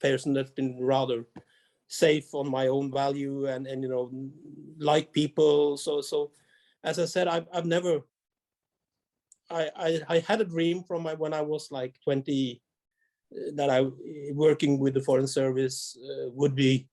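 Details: Adult male diplomat with a severe stutter and many blocks as a teenager, especially in foreign languages, treated with 2–3 years of speech therapy; he still has small blocks under pressure and describes himself as a rapid speaker; stuttering.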